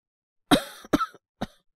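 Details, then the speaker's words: Acted (all performance) cough by a male voice actor playing a young man whose cough hasn't stopped since yesterday, no sore throat, runny nose, fever or breathing difficulty: three short, dry coughs in quick succession. "なんか昨日から咳が止まんなくて。喉が痛いとか、鼻水が出るとかそういうのはないんですけど、"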